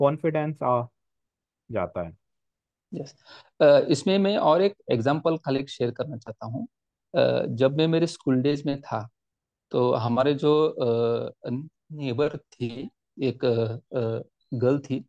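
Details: Stammering in an adult man, self-described, speaking Hindi; he reports stammering more in one-on-one situations.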